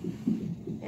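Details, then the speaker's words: Muffled, rhythmic whooshing pulses from a labour Doppler monitor during a contraction: fetal heartbeat, said by the mother to drop with contractions, though too brief here to show slowing; led to C-section. "and the top is my baby's heartbeat and you can see that it goes down and you can even hear it like because i'm having a contraction right now and you hear his heart"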